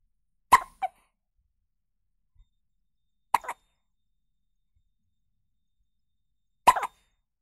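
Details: Newborn baby hiccups: three brief, sharp hiccup sounds spaced a few seconds apart, each with a small follow-on catch.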